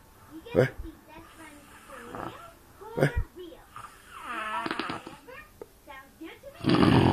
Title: Dubo snoring